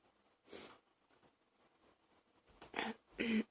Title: # 48 one of those morning coughs